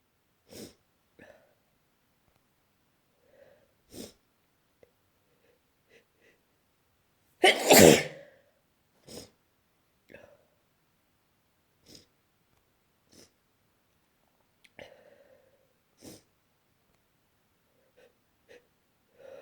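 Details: One loud, forceful sneeze among soft breathing and small sniffs in a quiet room late at night, while the person is trying to sleep; sneezing.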